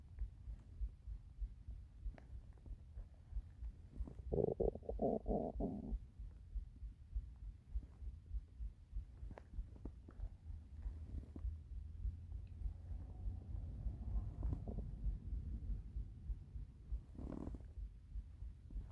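Soft gurgling rumbles with a louder bubbling burst and low churning; ordinary hunger stomach rumbling.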